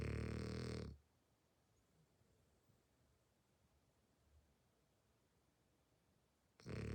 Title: Hearing my frenchie snore for one minute straight is amusing.